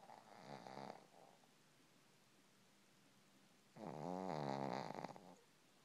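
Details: Shih-tzu snoring while asleep, at times very loud: two loud rattling snores with a quiet pause between; snoring from a small flat-faced dog.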